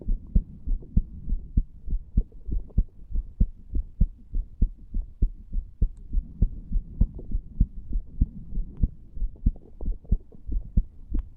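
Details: 34-year-old male lying on a bed, recorded over the tricuspid area, after nicotine from a cigar and "green stuff" as an experiment: regular, low thumping heartbeat at about 100 beats a minute, upper limit of normal.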